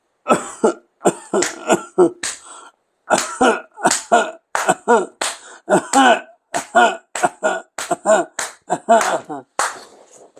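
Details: Simulated, acted coughing fit: a rapid run of harsh, forceful coughs, about twenty bursts in ten seconds.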